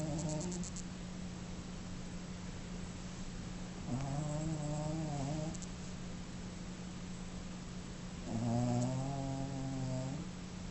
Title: Snoring eyes wide open